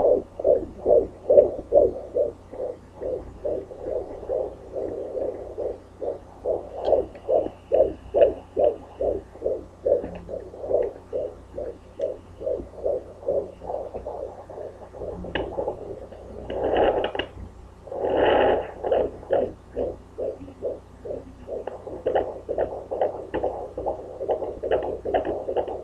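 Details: Possible fetal heartbeat on Doppler at about 143–145 beats a minute: fast, regular whooshing pulses.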